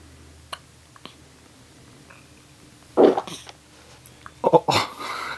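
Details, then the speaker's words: 8-day-old infant boy hiccuping while also passing a stool: a few abrupt short hiccup bursts over quiet room noise. "has the hiccups hiccup hiccups and a poop oh"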